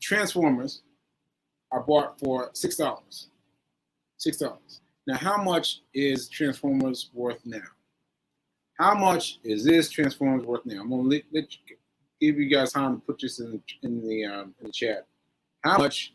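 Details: Adult man with aphasia after a stroke on 7/14/22, recorded 7/4/23 while still recovering; aphasia.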